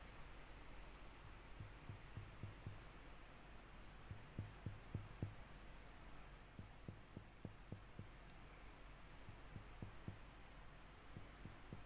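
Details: Series of soft, hollow taps in small groups as a child's chest is percussed point by point in a practical physical examination; normal resonant percussion note.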